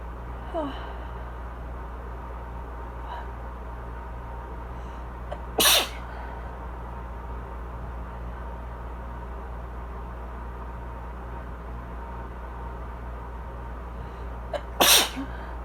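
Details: Two sharp, forceful adult sneezes about nine seconds apart from spring allergies in a person with asthma, over a steady low air-conditioner hum.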